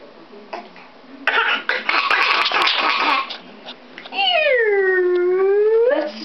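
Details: Young girl eating cereal gives a burst of forced, dry fake coughs to get attention instead of crying, then a long drawn-out whine. Voluntary (fake) cough.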